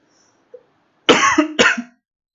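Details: Two quick forceful dry-sounding coughs from an adult man who says he is unwell, each with a short voiced tail, in a quiet room.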